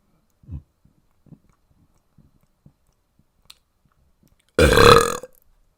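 Faint mouth clicks and swallowing, then one loud, rumbling burp lasting under a second.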